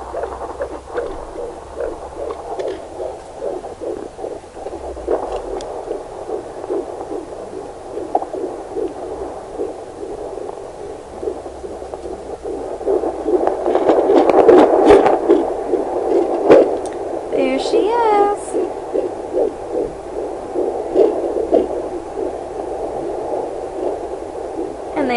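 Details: Rapid, regular whooshing fetal heartbeat at about 150 beats a minute on a handheld Hi bebe fetal Doppler; the baby is moving a lot, described as a wiggle worm.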